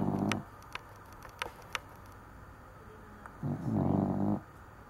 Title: The snoring Cavalier King Charles Spaniel, Poju